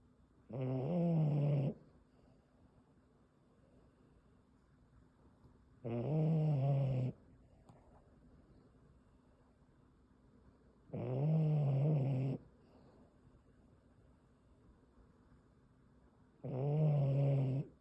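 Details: Sleeping Boston terrier puppy snoring: four deep, rumbling snores about a second long each, evenly spaced at roughly 11 a minute, with quiet pauses between.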